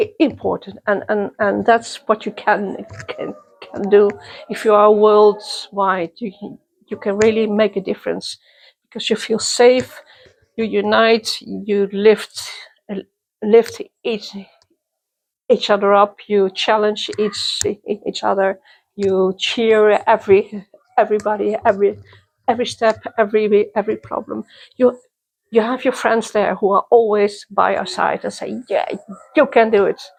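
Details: Adult woman who stutters, attending youth meetings for young people who stutter since 1995; stuttering.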